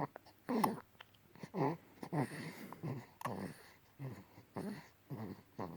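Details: Soft, repeated voiced snorts and grunts with nearly every quick breath from an infant boy fast asleep after nursing and a warm bath, in a quiet room: infant snoring.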